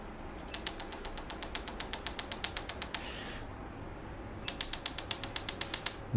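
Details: Laser tattoo removal machine firing on a small tattoo on a man's arm, first of several sessions; rapid regular clicking pulses, about four per second, in two bursts with a pause between.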